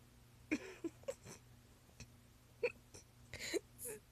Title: Friggin Hiccups lmao